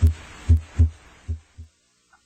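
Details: Normal heart sounds (S1 and S2).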